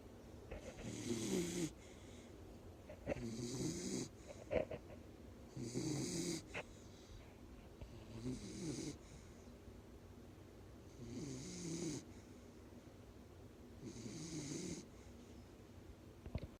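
Rhythmic rattling snores with a hissing edge from a sleeping dog, about 12 breaths a minute.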